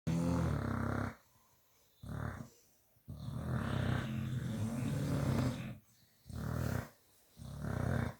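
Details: Two Staffordshire bull terriers snoring at bedtime: loud, low rumbling snores in long drawn-out pulls with short quiet gaps between breaths.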